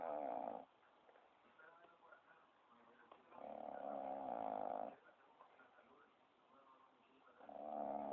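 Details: A sleeping dog gives droning, buzzy snores about every four seconds, with quiet breathing between: steady loud snoring.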